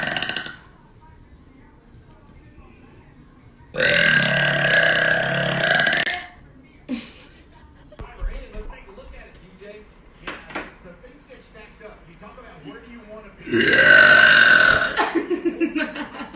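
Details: Two long, loud belches separated by quiet stretches with faint sounds.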